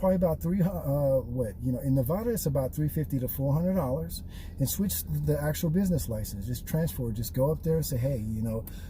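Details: Adult man who describes himself as a stutterer; stuttering.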